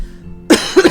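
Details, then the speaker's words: Adult with a cough lasting about a month after a quickly recovered cold: two short, harsh coughs in quick succession over faint background music; persistent post-cold cough. "So, uh, I got sick like about a month ago, and ever since then, like I've been coughing repeatedly. Like, it started out as a cold, but I recovered quickly and now I'm I'm just I've been stuck with this cough for about a month."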